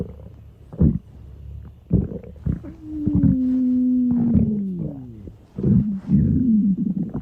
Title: College Girl Stomach Growling (edit)